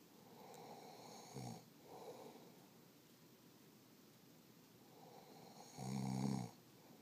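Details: Husband's snoring, recorded as proof because he insists he doesn't snore: two snores separated by soft breathing, the second loud and rumbling on the in-breath, quiet room.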